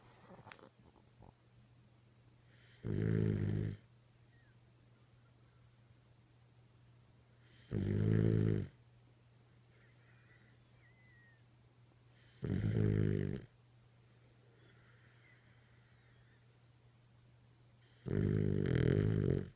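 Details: Four deep, rumbling snores about every five seconds, roughly 12 a minute, over a steady low room hum; snoring.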